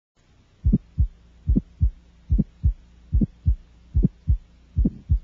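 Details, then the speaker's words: Aortic stenosis murmur in a child, heard with the stethoscope diaphragm over the aortic area: regular heartbeat near 73 a minute, an aortic ejection sound then a medium-pitched, harsh murmur peaking in midsystole. "the murmur of aortic stenosis is medium pitched and harsh with a peak in mid syy the murmur is easiest to hear with the diaphragm of the stethoscope placed over the aortic area"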